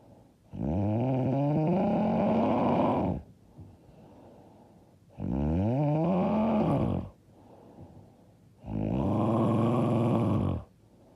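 Three long, loud, rumbling snores on the in-breath, about 16 breaths a minute, with quiet out-breaths between. Heavy snoring.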